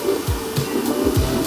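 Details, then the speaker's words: Ultrasound at two months of pregnancy: rapid, regular whooshing pulses over a steady hum; normal fetal heartbeat, regular rate and fairly strong, indicating a healthy, live pregnancy with normal uterus. "normalnya dari Iya frekuensinya teratur oke ya dan cukup kuat ya ini untuk kehambilan du bulan ya"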